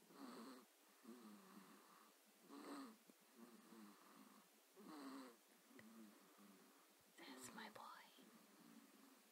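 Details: Boy snoring, like his father: soft, raspy breaths repeating about every two to three seconds with light fluttering; quiet snoring.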